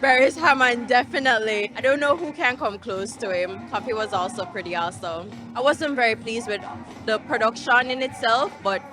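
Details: Adult speaker; normal speech.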